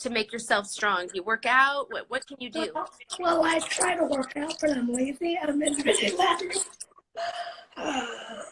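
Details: 17-year-old living with cerebral palsy, speaking spontaneously in a live interview; dysarthric speech (cerebral palsy).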